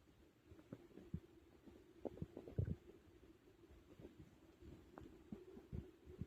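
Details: Loud stomach growling and digestion sounds after a big meal; borborygmi (bowel sounds).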